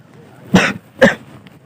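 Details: Two harsh, forceful coughs about half a second apart, acted in a public prank pretending to cough up blood.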